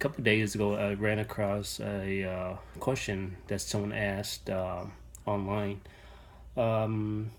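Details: Adult male with stuttering since he was little, persisting into adulthood; stuttering.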